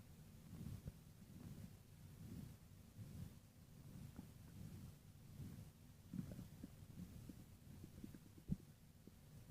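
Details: Stomach growling: faint, low, irregular rumbles and gurgles against a quiet hum.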